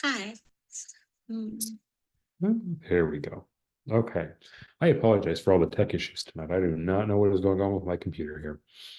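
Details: Adult speaker; Normal speech.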